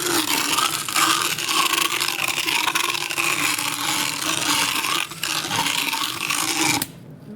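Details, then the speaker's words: Horse about 10–12 years old, power float filing back molars with a ramp on the last molar; horse biting the handpiece head, stalling it: continuous harsh rasping and grinding, stopping abruptly near the end. "Let's. Try and open him just a little bit more because he's biting on the head of my handpiece, stopping it from working."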